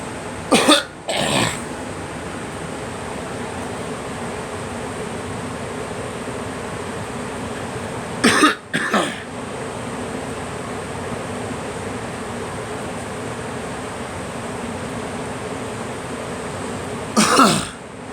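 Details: Three short bursts of coughing in a girl, mostly in pairs, spaced several seconds apart over steady room hiss.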